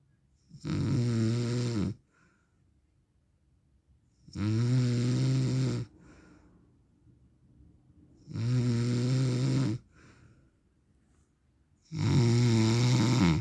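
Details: Adult man snoring in his sleep, real recording: loud, low, rattling snores recurring steadily about 16 a minute with quiet breaths between.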